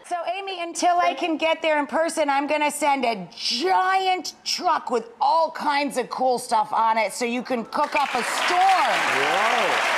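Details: Adult woman; normal speech.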